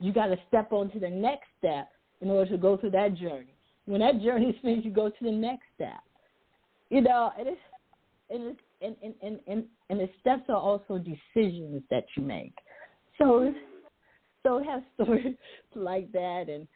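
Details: Adult woman who says she stutters sometimes, with part-word and word repetitions; stuttering.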